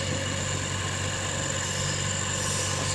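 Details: Oxygen concentrator that had been submerged in water, running after zeolite and filter replacement, output measured at about 65–84% oxygen: steady, even compressor hum with a low droning tone and constant hiss.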